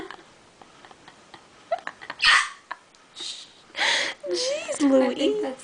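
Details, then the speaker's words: Hiccups from a person who is laughing and trying to hold their breath; an onlooker says the hiccup sounds like a deer. "Wait, no, deer don't make that sound. It's a hiccup. I think there's a resemblance."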